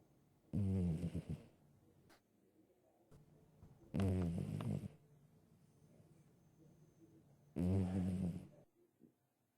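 Three loud, rattling snores on inhaled breaths, about 17 breaths a minute, with quiet pauses between. Snoring in sleep.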